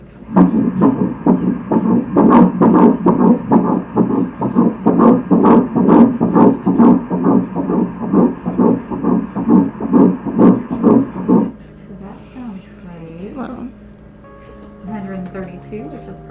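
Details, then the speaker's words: Fetal heartbeat on first ultrasound at 6 weeks 5 days of pregnancy (measuring 6 weeks 4 days) after embryo transfer. Fast, regular whooshing pulses at a normal rate of 132 beats a minute. "so baby's measuring perfect six weeks four days .65 and then that little heartbeat we're gonna listen to"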